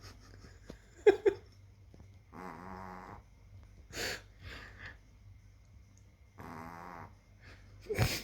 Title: Tiny dog snores